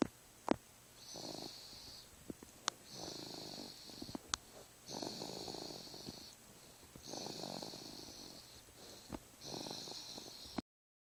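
Soft, rhythmic breathing noises with a light rattly, hissy quality on each breath, about five breaths over ten seconds; gentle infant snoring.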